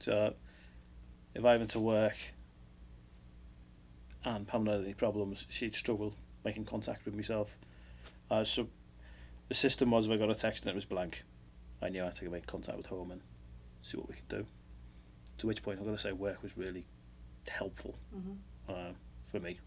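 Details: Adult male speaker; unaffected speaker.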